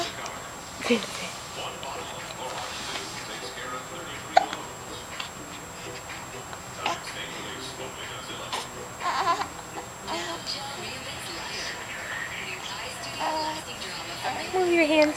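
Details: Infant boy upset with his hiccups, fussing with brief whimpering cries and small catches, adult talk nearby; an upset baby crying.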